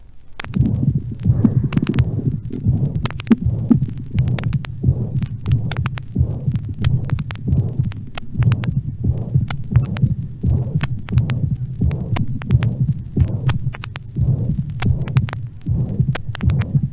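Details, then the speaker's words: Heart sounds from an old teaching record of mitral valve disease: regular heartbeat near 90 a minute with a steady hissing, steam-jet systolic murmur at the apex; mitral regurgitation murmur. "voici une autre mitralite mais ici ce qui domine de loin c'est un souffle systolique apexien en jet de vapeur caractéristique d'une insuffisance mitrale"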